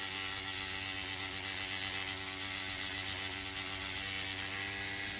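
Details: Microneedling pen treating a woman's cheek along the zygomatic arch at 2.5 depth after lidocaine removal: continuous fast mechanical buzzing with a rattling edge, steady throughout.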